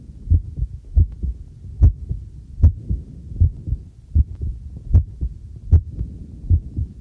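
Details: Own normal heartbeat recorded with a homemade field stethoscope microphone during housework: steady paired thumps about 75 per minute, faint tableware clinks in background.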